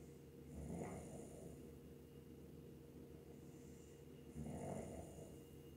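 Deep, low rumbling snores with a soft whistle on the breath, roughly every four seconds, over a steady hum of background noise.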